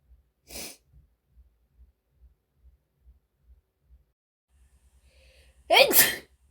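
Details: Female, from a compilation of her sneezes: a soft hissing in-breath, then a loud sudden sneeze, in a quiet room with faint rhythmic background thumps.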